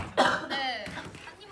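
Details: Adult woman with a cold gives a single sharp cough followed by a brief voiced sound, in a quiet indoor setting.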